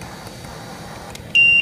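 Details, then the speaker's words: Steady high-pitched electronic tone starting abruptly over machine hum: transport ventilator low-pressure alarm, set to new adult patient, sounding because the test lung is not yet inflated during setup. "eventually inflate so the low pressure is going off because this isn't inflated going to silence that for a second"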